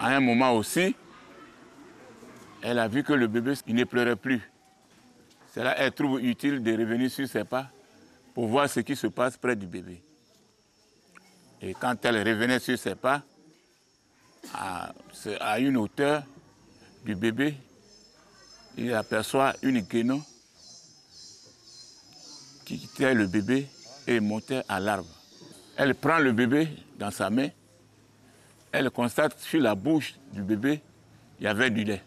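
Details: French-speaking speaker, likely a person who stutters from a national federation for people who stutter in Côte d'Ivoire, at a World Stuttering Day event; stuttering.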